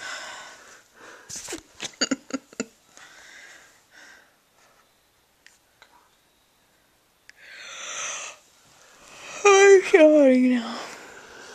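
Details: Hiccups at night in the dark: several short, sharp hiccup catches in a quiet room, then a breathy laugh and high squeal.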